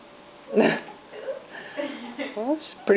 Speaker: oh that's a big sneeze that was a big sneeze